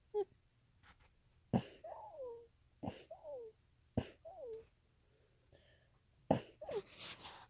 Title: Trying to say I'm gonna sneeze while allergy inducing